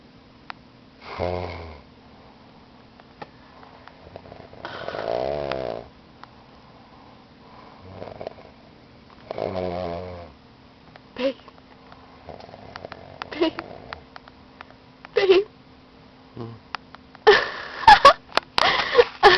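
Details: An adult man (fiancé) snoring in sleep: repeated rattling snores roughly every four seconds with softer breaths between, ending in rustling noise.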